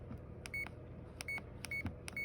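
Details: CADD Solis ambulatory infusion pump in PCA mode with hydromorphone 1 mg/ml: short, regular keypad beeps as the delivery settings are scrolled through and checked against the order.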